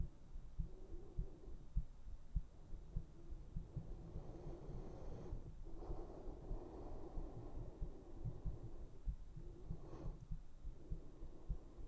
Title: ASMR : HEARTBEATS to put you to sleep!